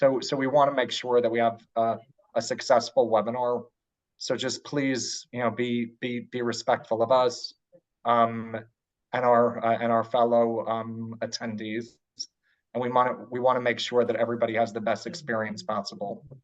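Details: Adult man who identifies as a person who stutters and is open about his stutter at work; stuttering.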